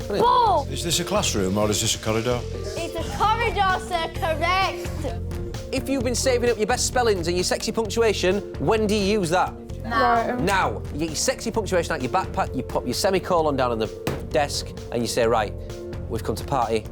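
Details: Adult male teacher speaking to a class; normal speech.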